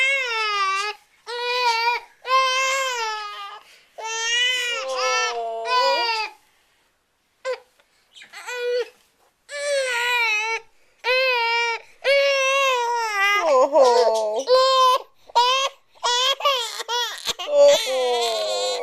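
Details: Infant with hiccups crying: repeated high-pitched wailing cries broken by brief pauses and catching breaths; an ordinary infant cry.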